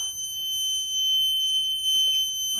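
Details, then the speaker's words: Continuous high-pitched electronic bed alarm beeping in a hospital emergency room with faint room noise; patient with severe lower back pain, those present unsure how to switch it off. "the bat starts beeping it's the bed alarm it's the bed it starts beeping it's the bed alarm"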